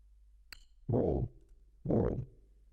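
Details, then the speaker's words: Aortic stenosis murmur: two loud, harsh blowing whooshes about a second apart, from blood forced at higher velocity through a narrowed, diseased aortic valve that does not open well; heard by ear as a "soplo". "esas por lo que se llaman soplo porque recuerdo un poco cuando uno sopla dentro del todo es ese sonido sería una forma de diagnosticar simplemente con el oído"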